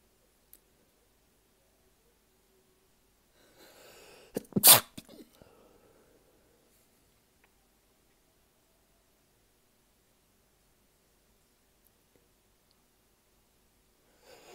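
A short burst of two or three quick sneezes in a quiet room, preceded by a brief noisy inhale.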